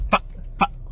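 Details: Vocal tic noise from an adult male with Tourette syndrome whose tics are worse after caffeine, heard while he speaks to the camera.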